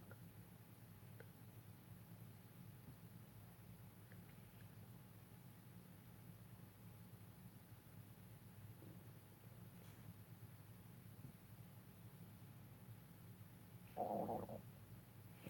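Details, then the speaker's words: A quiet room hum, then a brief low gurgling rumble near the end, from an adult's stomach during a makeup demonstration: ordinary stomach growling, borborygmi. "you hear that that's my stomach growling sorry girls"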